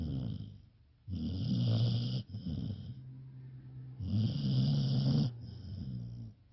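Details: Audible snores; snoring.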